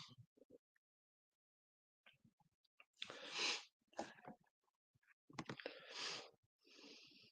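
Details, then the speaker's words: Dog snoring in the background while a person talks. "apologies if you can hear my dog snoring behind me good on him that he can sleep"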